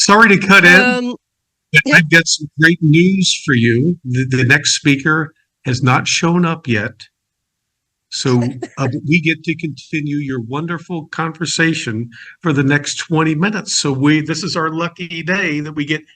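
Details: Adult; typical speech.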